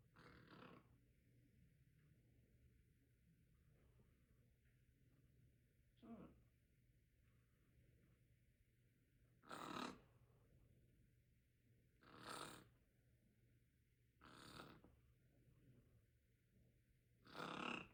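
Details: Parrot pretending to snore: about six rasping, breathy snore-like bursts, imitated snoring rather than real sleep.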